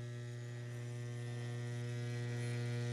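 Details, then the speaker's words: Steady low electrical hum of a dental model vibrator on its lowest setting while dental stone is poured into an impression, starting at the back and letting it flow. "turn on your little machine and you don't want it real high do you want a low vibration the lowest one you have"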